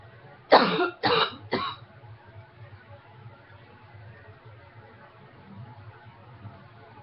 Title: Coughing #3